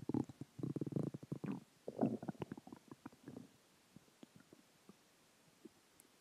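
Loud gurgling, bubbling rumbles in bursts that fade into quieter pops; ordinary stomach growling from food, water and gas.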